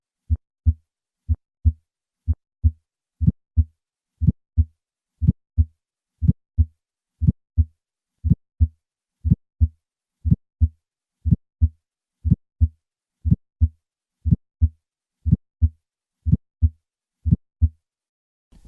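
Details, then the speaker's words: Bicuspid aortic valve: regular heartbeat near 60 a minute. After a few plain beats, a sharp, high-pitched ejection click follows just after the first sound. It radiates widely and does not vary with respiration. "in summary bicuspid aortic valves can produce an ejection click this sound is high-pitched radiates widely and does not vary with respiration"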